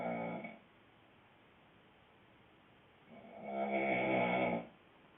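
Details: Adult man (boyfriend) snoring loudly: rough, vibrating, rattling snores on breathing in, two over about five seconds with quiet between; heavy snoring.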